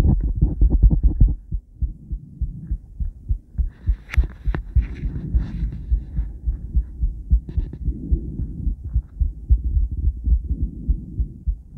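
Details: Heartbeat of a female heart recorded by cardiac ultrasound, with a different transducer and combined with ECG: rhythmic low pulsing thumps with swishing, whooshing surges of blood flow; normal heartbeat on cardiac ultrasound.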